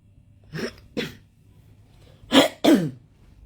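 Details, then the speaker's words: Adult in bed coughing after several nights of heavy coughing that began after visiting someone with a cold; the speaker blames electronic torture. Four short, harsh cough bursts in two pairs, the last two louder, in a quiet room; a persistent cough. "So yeah, I've been having a cough like ever since I went down to Bournemouth to see another TI, to see a fellow TI, that I started getting really bad coughs."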